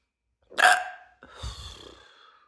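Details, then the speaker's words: Adult man with a hiccup spell during a ten-minute recording, triggered by a burp after two or three drinks, while sitting and talking; a single abrupt hiccup with a sharp voiced catch and short low trailing breath. "I guess like one of the burps triggered the triggered the hiccups so let's just see where this goes"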